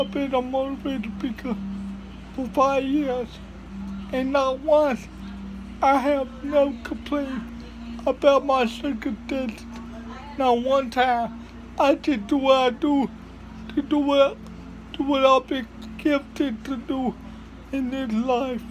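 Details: Hard-to-understand, garbled dysarthric speech from a speaker with cerebral palsy; finding: dysarthria.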